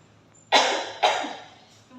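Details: Cough etiquette demonstration of coughing into the upper arm or sleeve: two forceful, slightly muffled coughs; acted cough.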